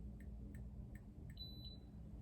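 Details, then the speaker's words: An iCare Home rebound tonometer is used by an ophthalmologist on his own eye, braced on the forehead and cheek. Four soft probe clicks, then one short high beep signalling a completed, good-quality eye pressure measurement. Low room hum. "one beep means it's done good capture done right there"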